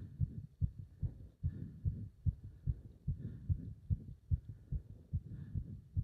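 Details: Heart sounds during leg wrench exercise, pulsation felt up to the subclavian artery: fast, strong, regular heartbeat about 145 a minute with low rumbling chest noise; exercise tachycardia.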